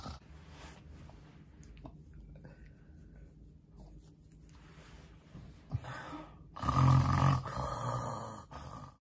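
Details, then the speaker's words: Simulated: a child actor imitates her mother's loud, pig-like snoring with low, rattling snore-like sounds ending in a louder snort; acted snorting, not a real sleeper. "She snores so loud, she sounds like a pig."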